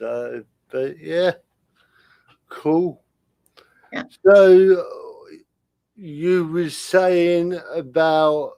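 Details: Adult man with spastic cerebral palsy caused by lack of oxygen at birth, affecting limb control and speech; dysarthria (spastic cerebral palsy).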